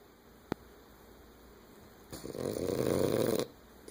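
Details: A French Bulldog resting contentedly after a long day: a soft click, then a single rough, rattling breath noise lasting over a second; snoring.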